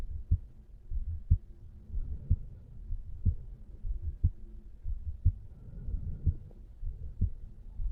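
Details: Normal heart sounds of a 35-year-old man relaxing on a couch, recorded over the mitral area: steady, regular heartbeat at about 60 beats per minute.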